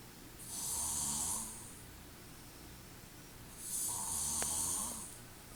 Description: this mf snoring loud af